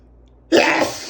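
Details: Male with allergies who can't stop sneezing: a quiet lead-in, then one abrupt loud burst of air that fades quickly; a single sneeze in a run of allergy sneezing.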